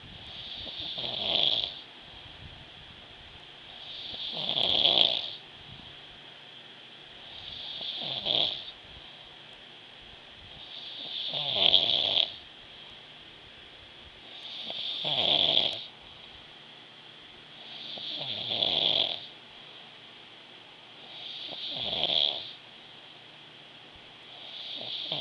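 Steady rhythmic snoring, each inhaled breath building to a rough rattle, about 18 breaths a minute.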